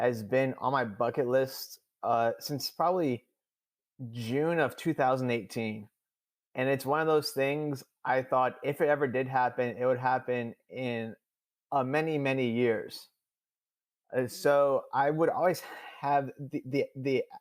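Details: Adult man who stutters, who says he stuttered more than he had in years during a public talk; stuttering.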